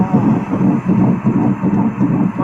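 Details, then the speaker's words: Fetal heartbeat on Doppler, the first time the mother heard it, in a pregnancy after more than 10 years of infertility: fast, regular whooshing pulses, roughly 160 beats a minute. "I finally heard her heart. Are you able to hear the the heartbeat?"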